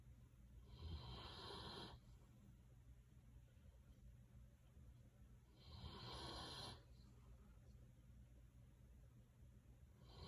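Two long, rough, low breathing noises about four seconds apart over steady room hum: snoring from a sleeping large dog.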